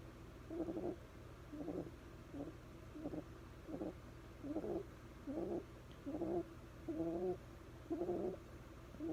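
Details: Very quiet, soft snore of a sleeping bulldog puppy.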